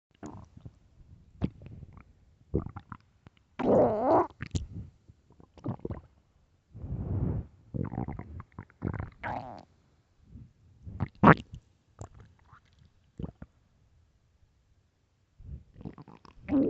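Repeated loud gurgles, squeaks and low rumbles separated by quiet gaps: stomach growling from hunger.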